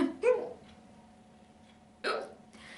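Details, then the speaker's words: Adult deliberately brings on hiccups by rubbing the chin: short, abrupt voiced gulps about two seconds apart with brief quiet gaps; self-induced hiccups. "I'm feeling some pressure and it's starting to expand on my chin and before you know it you start to hiccup"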